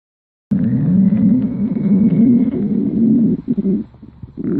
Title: Stomach growling